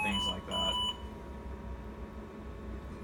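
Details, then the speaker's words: Two short high alarm tones, then room hum: ventilator after setup and passed leak test, alarming because not connected to a patient; settings rate 12, tidal volume 500, PEEP 5; ventilator alarm. "the alarms going to keep going off because it's not connected to a patient right now"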